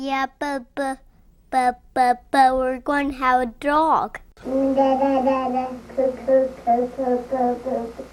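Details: Young child learning to talk, with word repetitions, interjections such as 'um' and revisions; normal developmental disfluency.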